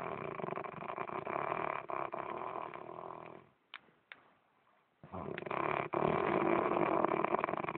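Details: Adult man (husband) snoring during sleep: rough, rumbling snoring with a brief silent pause and soft clicks, then the snoring resumes.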